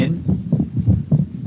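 Paired low heart thumps with faint background talking; the second, shorter and sharper sound of each pair is a normal second heart sound.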